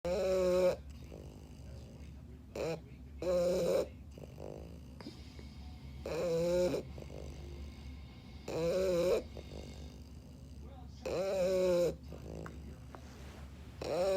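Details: Sleeping English Bulldog snoring: loud, rattling snores about every 2–3 seconds, roughly 20 a minute, with quieter breaths between.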